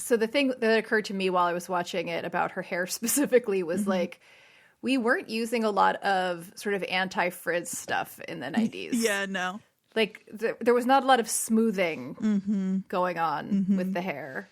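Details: Adult woman speaking; normal voice.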